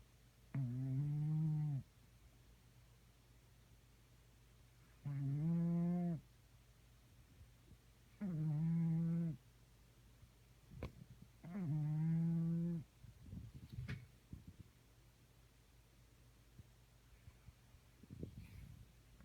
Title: Zilchy snore